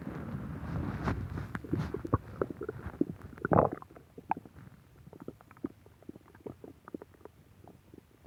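Rolling rumble followed by a loud gurgle, then many small bubbling pops fading out; ordinary stomach growling (borborygmi).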